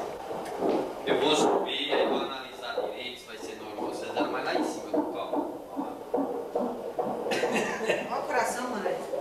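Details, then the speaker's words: Fast, rhythmic whooshing fetal heartbeat on a monitor during labour around the birth, with faint room talk behind. "Esse é o som do coração do bebê? É. Olha isso. Nossa."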